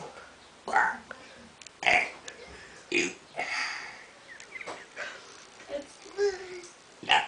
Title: burping kid